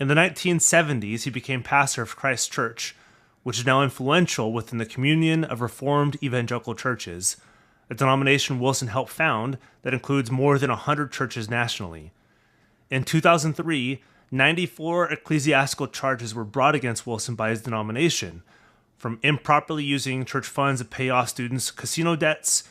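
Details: Adult male narrator; ordinary speech.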